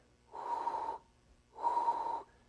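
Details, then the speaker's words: Vocal imitation of a holosystolic murmur: two even, steady breathy whooshes, flat or plateau-shaped, with the same intensity from start to finish. "contrast that with a holosystolic murmur which keeps its same the same intensity all the way across it's also known as a flat or plateau-shaped murmur it sounds like this"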